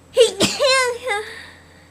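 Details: Woman described as very sneezy, sneezing: a voiced 'ah' breaks into a sudden sharp burst, then a fading whimpering vocal tail; one sneeze in a quiet room.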